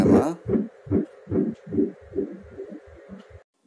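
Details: Rapid whooshing pulses at about 146 a minute during a pregnancy 4D ultrasound scan: a fetal heartbeat.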